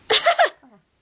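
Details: A person sneezing: a single sharp, explosive sneeze with a quick gasp and a short trailing voiced sound.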